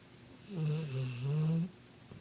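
One deep, rumbling snore lasting just over a second, with a low fluttering tone on the breath; ordinary snoring in a sleeping large dog.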